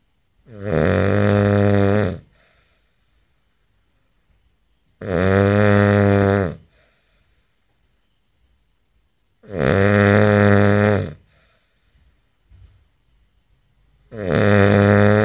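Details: Man snoring, recorded May 17, 2011: loud, groaning snores every four to five seconds, about 13 breaths a minute, with silence between; heavy snoring.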